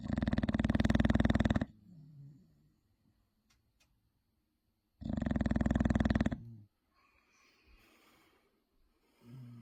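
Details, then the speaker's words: Sleeping pit bull dog snoring: loud, harsh, buzzing inward snores, two long snores with quiet exhalations between. "clearly not getting up like a traction engine"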